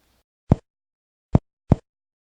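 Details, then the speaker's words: Percussion over the posterior chest, first to tenth intercostal spaces: three short, low, hollow taps giving a resonant note (claro pulmonar), the normal sound over healthy air-filled lung. "en cuanto a la parte posterior el sonido que vamos a encontrar del primero al décimo espacio intercostal es el sonido de claro pulmonar de la siguiente manera"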